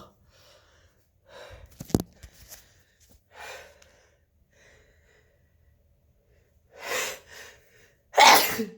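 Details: Person who woke up clogged with a horrible cold, congested all night: sniffling and short breaths building up, then two loud explosive sneezes near the end.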